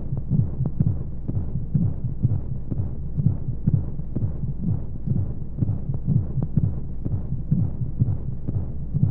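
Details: Baby sleep aid womb sound: steady muffled low heartbeat thumps at a regular rate under a soft rushing white-noise hiss, as heard inside the womb.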